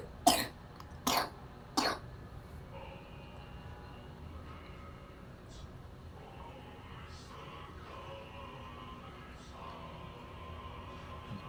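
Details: Toddler on routine wellness massage therapy since 3 months of age, with complaints of cough and poor appetite: three short, sharp coughs in quick succession, then quiet room noise.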